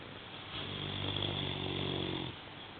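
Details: 3-year-old female English Mastiff dog, about 70 kg, snoring while asleep: one long, low, rumbling vibrating breath lasting nearly two seconds over room hiss; snoring.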